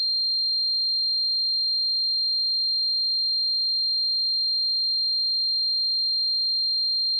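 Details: Simulated tinnitus sound effect: a steady high-pitched ringing tone throughout, imitating tinnitus.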